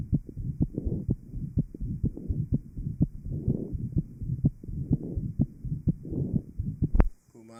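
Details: Heart sounds recorded in 1955 at the aortic area from a patient with interventricular septal defect after surgical plication (banding) of the pulmonary artery; ventricular septal defect murmur.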